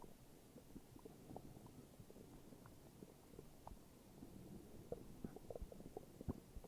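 Low gurgling rumbles with bubbly pops from the belly, ordinary stomach growling.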